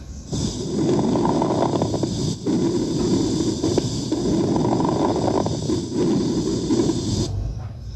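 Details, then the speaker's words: Simulated lung auscultation from a practice app: brief, fine crackling clicks over rushing airflow, fine inspiratory crackles. "y también se puede escuchar respiraciones patológicas por ejemplo unas crepitaciones unos unos ruidos agregados en la respiración por ejemplo las reputaciones finas unos crepitantes chinos inspiratorio"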